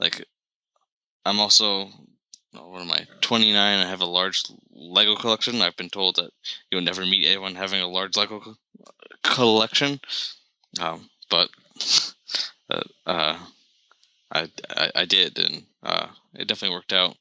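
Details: Stuttering in an adult man, starting around age 3 when he developed Lyme disease from a tick bite, which he still has. It was full-blown by middle school and is now somewhat controlled, with bad days or weeks; briefly closing his eyes eases blocks and repetitions.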